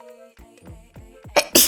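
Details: Sneeze from an adult streamer: two sharp, hissing bursts over background music, an unusual-sounding sneeze.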